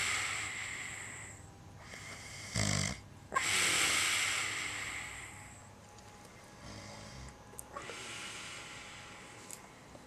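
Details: Sleeping person snoring: harsh, rough breathing with a loud snorting inhalation, then quieter noisy breaths.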